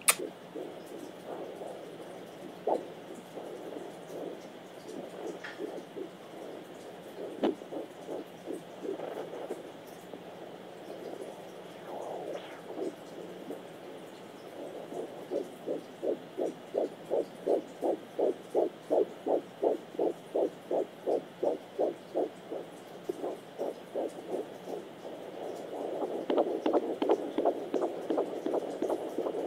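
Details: Rapid, regular whooshing pulses at about 165 a minute, a normal fetal heartbeat, recorded by a pregnant woman at home with a fetal Doppler.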